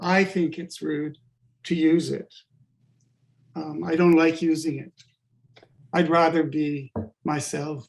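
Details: Adult-onset stuttering in a man with functional neurological disorder (FND), sudden onset five years ago on waking unable to speak with up to 20 seizures daily; speech regained but not fluency.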